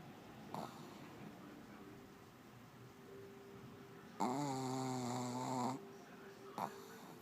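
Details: Pug dog: soft breathing, then one long buzzing, tonal snore over a second; snoring.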